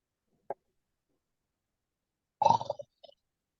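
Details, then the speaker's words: Adult deliberately imitates snoring with the mouth open to demonstrate snoring sound during a pranayama breathing discussion; simulated snoring. "स्नरिंग sound जो होती है ना उसका मुंह खोल के खर्राटे मारते हैं देखो मैं खर्राटे मार के दिखता हूं देखो मेरा मुंह देखो"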